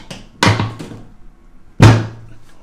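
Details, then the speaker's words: Two loud, sharp banging thuds as a chiropractic drop table section releases during a lower back adjustment, left hand on L5 with rotation: drop table thud. "I'm going to lift the table this is going to make a banging drop Noise Okay"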